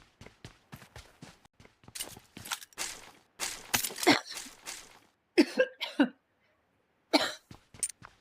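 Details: Streamer playing BGMI coughing a lot: repeated short, harsh coughs in quick bursts with brief pauses between clusters.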